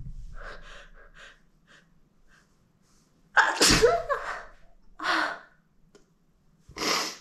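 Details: A person's big, wet sneezes while a friend helps hold them back: a quiet, breathy build-up, then one loud, explosive sneeze followed by two more sneezes.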